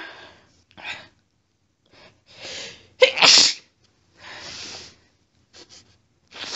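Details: Rapid run of forceful, wet-sounding sneezes with brief breaths between; sneezing fit triggered by a cat lying under the chin in bed after being sneezy all day.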